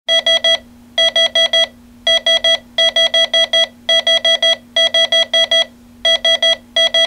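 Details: Loud bursts of rapid high-pitched electronic alarm tones, repeating about twice every few seconds over a steady hum: a sound-effects-library hospital heart monitor alarm for ventricular fibrillation.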